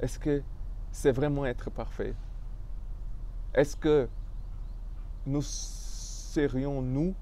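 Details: Stuttering in an adult man speaking French, who describes his stuttering as having blocked him from expressing himself fully.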